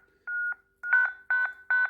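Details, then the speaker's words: ZOLL M2 defibrillator in manual defib mode charging again for a repeat biphasic shock: steady electronic tone with repeated short beeps building in strength. "we can charge the shock again with the same joules or if the condition requests we can go back down 220 joules again and we can shock the patient again by pushing charge"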